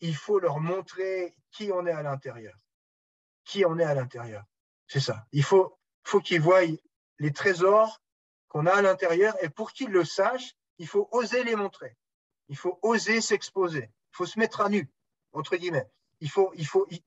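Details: Mild stuttering in an adult man who stutters, speaking French; he says his speech is much better than before but still stutters a little at times in French, more in English.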